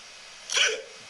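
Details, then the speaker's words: Father with a severe case of hiccups, filmed by his daughter in the bedroom while on Ambien and wearing an Oculus headset: a single short, sharp hiccup in a quiet room. "as I have the most severe case of hiccups, right? And I've got Ambien, hiccups, and Oculus."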